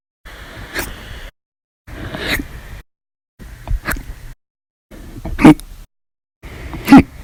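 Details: Run of violent, loud hiccups after eating and drinking soda, lasting over 13 hours: five sudden, sharp breath catches, each a brief gulp, about every one and a half seconds; audio only.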